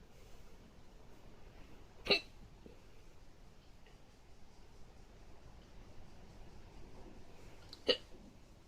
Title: hiccups fast 2